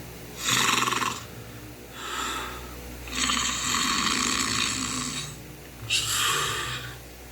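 Breathy, hissing snore-like sounds in repeated bursts from a sleeping bird, with a faint low hum in the room.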